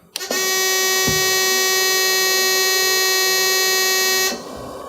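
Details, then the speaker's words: A loud, steady buzzing tone for about four seconds at switch-on, then quieter machine hum: the normal start-up alarm of a NewLife Intensity oxygen concentrator during warm-up. "notice that the unit's going to alarm which is perfectly normal initially"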